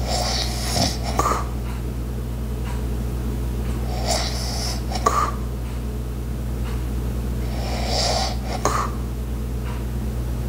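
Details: Light snoring, soft breaths about every four seconds, recorded for ASMR with background household sounds (ice maker, clock, walking) and a steady room hum; snoring.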